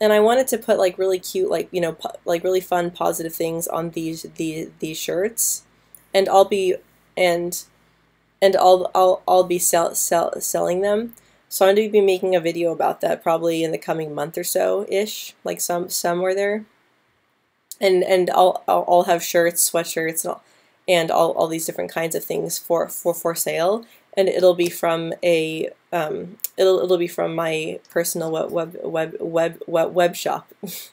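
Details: Woman who stutters since about age 9 or 10, with repetitions and blocks at the start or middle of words, especially P, B and C sounds, worse with anxiety; stuttering.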